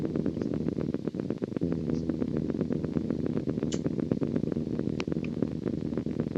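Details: Needle EMG of the genioglossus (tongue) in a man with unilateral tongue weakness and voice loss: crackling, somewhat irregular grouped discharges over a steady hum, thought possibly myokymic.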